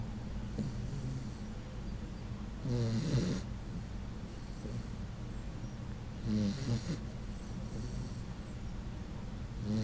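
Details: Puggle dog asleep, snoring with soft, low snorts that the owner says sound human-like, irregular over steady room hum; owner then tries to wake the snoring dog.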